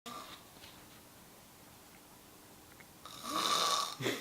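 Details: Quiet breathing, then one harsh, high-pitched, rasping snore on inhalation: a person snoring.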